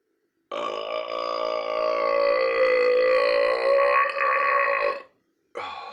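One long, loud, steady-toned belch lasting about four and a half seconds, then the start of another; a prolonged burp.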